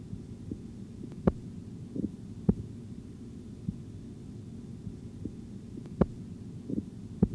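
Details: Auscultatory blood pressure training exercise: faint soft Korotkoff taps against a low hum, about 50 a minute, fading out; the last regular sound marks diastolic pressure at 88 mmHg (reading 148/88).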